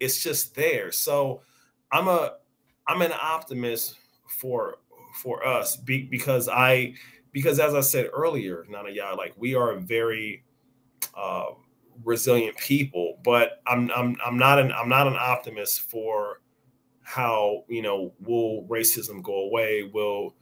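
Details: Stuttering in an adult man with onset at age five or six, persisting and audible over extended conversation; this stretch has word and phrase repetitions; real speaker; finding: stuttering.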